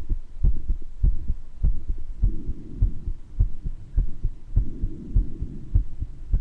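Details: Person's own heart murmur recorded while having mild bronchitis, with occasional wheezes heard: heart murmur with a few adventitious breath sounds.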